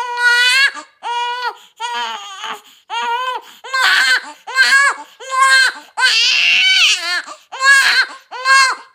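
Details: Healthy newborn baby girl's first cry: strong, clear, rhythmic crying in repeated bursts with short breaths between.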